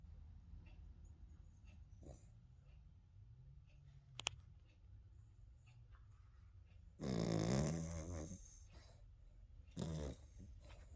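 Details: Snoring: two loud, rattling, buzzing snores near the end over a low background hum in a small room, said to be snoring like her father.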